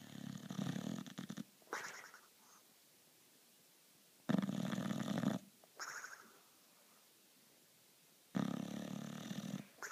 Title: Mary the snoring dog